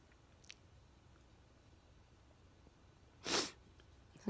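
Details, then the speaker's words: Sneeze just before bed: one sharp, explosive sneeze after a brief sniff in a quiet room; a single sneeze. "i miss actually missed a few sneezes before i started recording well this could have been one of the best ones ever see"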